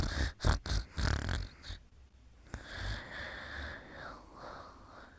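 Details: Rough, fluttering snorts followed by quieter, drawn-out noisy breaths during sleep; snoring.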